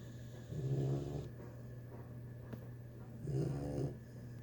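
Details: 3-month-old female pitbull puppy sleeping in the bathroom after a hard day: two rumbling, buzzing snores a few seconds apart, low room hum between; snoring.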